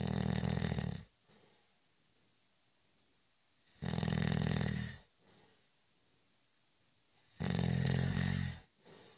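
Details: Loud, low, rumbling snores about every 3.5 seconds, roughly 17 breaths a minute, with quiet exhales between, during a short, light nap; ordinary snoring.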